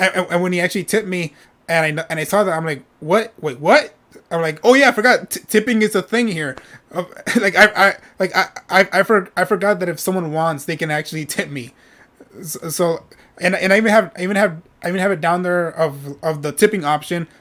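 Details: Adult male streamer with a self-reported stutter; he says it takes him a while to say what he is thinking and he often repeats himself; word and part-word repetitions heard; stuttering.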